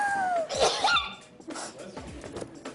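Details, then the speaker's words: Person with allergies who avoids medication sneezes: a single sneeze burst with a sharp onset, followed by quiet room noise; an allergy sneeze. "more time no i have allergies and i don't want to take any medicine yeah because it dries you up"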